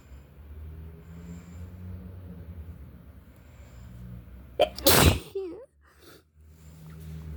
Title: REALLY SICK FLU SNEEZES, Strong, spray, sniffling, something at the end 🤧